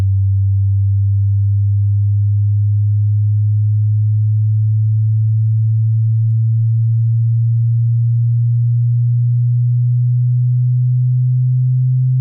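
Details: Online hearing test tones: a steady, low, pure tone lasting several seconds at a time, part of a hearing-test tone sequence.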